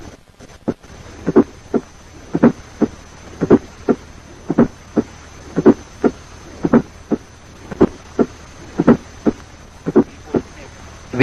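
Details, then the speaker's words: Fourth heart sound close to S1, compared with a split first heart sound; better heard with the stethoscope bell and may disappear if pressure is put on the bell. "S4 is close to S1. The points to note are: 4 is better heard with the bell of the stethoscope and may disappear if pressure is up to the bell."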